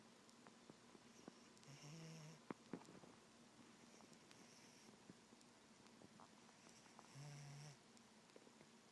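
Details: Pet cat, now deceased, snoring quietly: two soft, low snoring breaths about five seconds apart in a quiet room with light clicks and rustles.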